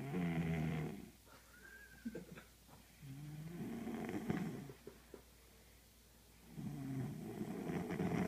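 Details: Snoring: slow, rumbling snores with whistling tones, about one snoring breath every three seconds.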